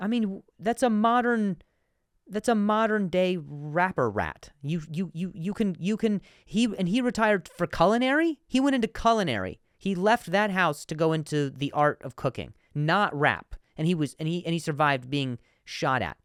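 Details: Adult man who stutters, with repetitions of words and syllables, and says some words are harder to say on some days; stuttering.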